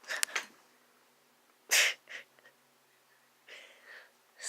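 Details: Brief hissy bursts, then one sharp, explosive sneeze followed by softer sniffs and breaths in a quiet room: a single sneeze.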